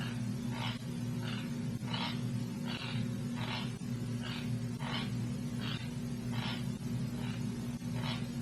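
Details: Rhythmic grinding scrapes about every 0.7 seconds over a steady low hum; nocturnal teeth grinding (sleep bruxism) recorded in sleeping patients observed in a University of Montreal sleep study.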